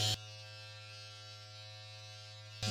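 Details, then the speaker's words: Steady loud electric buzz with clicks at start and stop from a Dr. Pen M8S microneedling pen during a first-time at-home session. It runs on the face with a 42-needle cartridge at 0.3 mm depth, without numbing cream. "It's very loud and scary because of that, but that's fine."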